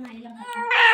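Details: Newborn baby girl just after delivery: a brief, rising, high-pitched wail, a normal first cry.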